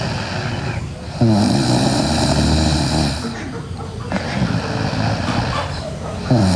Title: Sleeping Girl Loud Snoring